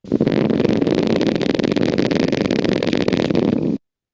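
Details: Needle EMG of the tongue in a patient with unilateral tongue weakness who lost his voice: dense, rapid crackling and popping of voluntary motor units, a neuropathic pattern with rapid firing and reduced recruitment; a voice begins briefly afterward.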